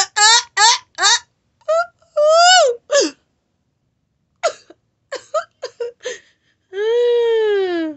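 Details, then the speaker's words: Sudden high-pitched yelps, squeals and a long wail with irregular pauses: uncontrollable vocal tics during a continuous tic attack in an adult, filmed while taking an emergency THC inhaler to calm the tics. "this is all ticks [Applause] see the mission have to go through just take one [ __ ] gulp [ __ ] off [ __ ] [Music] because wow because i can't control these ones"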